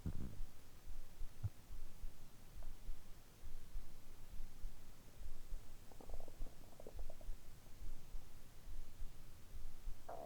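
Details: Man's stomach after eating soy sauce and nori dango dumplings: low, continuous gurgling and rumbling with a few faint higher squeaks; ordinary bowel sounds.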